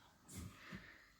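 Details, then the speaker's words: A sleeping man snoring despite an anti-snoring chin strap and taped mouth: two low, rumbling snorts in quick succession in a quiet room. "sellarle la boca para que le cojen oxigenen el cerebro con mentonera pero ni aún así virgen santísima tengo que llamar a la NASA para que me ayuden con el tratamiento con este hombre"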